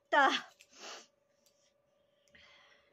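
A voiced, drawn-out sneeze burst followed by a breathy exhale, in a quiet room with a faint steady hum; possibly exaggerated.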